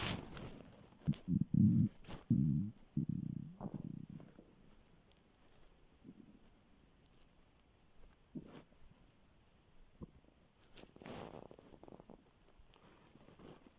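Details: Morning on waking, very hungry before skipping breakfast: loud low gurgling growls at first, then quieter rumbles and squeaks; hunger stomach growling (borborygmi), normal finding.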